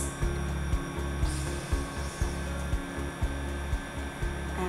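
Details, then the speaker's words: Steady low buzzing hum with regular pulsing from a vibration anaesthesia device held on the sole of the foot to ease local anaesthetic injection before laser or Swift microwave treatment of a large plantar verruca. "we do is we just place it over the area that we want to anesthetize and just have that go for a little way so just have that going for a little bit of time and this will start to disturb and interrupt the nerves of pathways"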